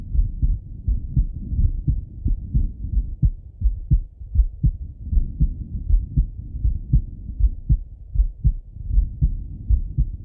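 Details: Male heart auscultated with a stethoscope: steady, dull lub-dub heartbeat at about 80 beats a minute with no added sounds evident; normal heart sounds.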